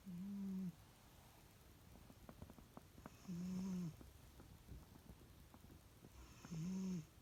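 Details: Three low, buzzing snores about three seconds apart, roughly 19 a minute, with quiet clicks and patter between them, from two sleeping pets; snoring.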